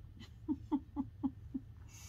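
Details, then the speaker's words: Quiet, quick run of five soft nasal snorts from Archie, a full-size Yorkie sleeping under a table in a quiet room; light snoring. "archie's under the table sleeping and he's uh he's snoring"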